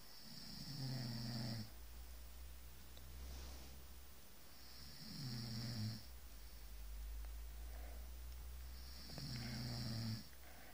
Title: Don't snore my arse!